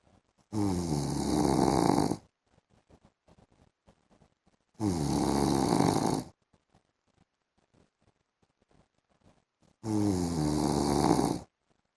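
Three long, loud, vibrating snores, one about every five seconds (about 12 breaths a minute), with near silence between them.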